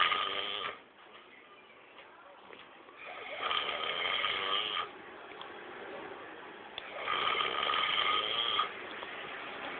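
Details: Man snoring in deep sleep, not waking even when things are placed on him: harsh, buzzing snores every few seconds with quieter breathing between; muffled, phone-like recording.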